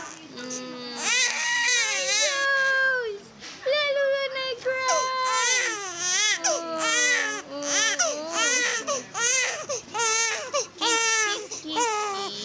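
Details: Infant crying at home after a 5-in-1 vaccine and RotaTeq: loud, high-pitched wailing bursts with brief catch breaths between them.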